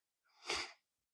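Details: One sharp, hissing sneeze burst, building briefly then fading, from an adult still sick with a cold over Christmas, after dry throat and a day of lost voice; sneeze.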